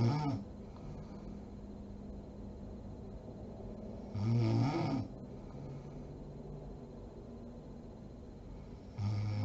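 Low, rumbling snores recurring about every four to five seconds against steady room noise; snoring during sleep.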